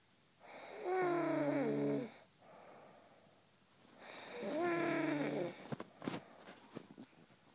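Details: Snoring: two loud, rattling snores on the in-breath, roughly 17 per minute, with quieter out-breaths between.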